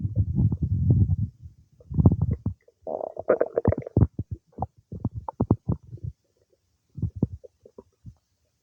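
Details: Stomach noises some time after eating cake: low gurgling and rumbling in bursts with brief squeaks, then quieter scattered gurgles; ordinary digestive bowel sounds (borborygmi).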